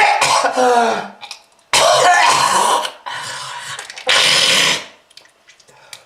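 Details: Three loud, harsh, wet coughing bursts with throaty clearing between them. Productive cough attributed to smoking-related lung disease, with red-colored sputum.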